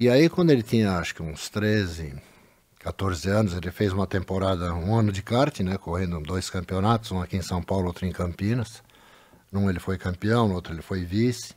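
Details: Adult man speaking; Normal adult speech.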